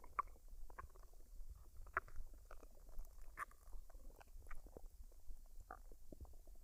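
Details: Woman's belly after a meal of fried rice and duck, recorded unedited with no added sounds: quiet, irregular gurgles and soft squelching clicks throughout; normal bowel sounds of digestion.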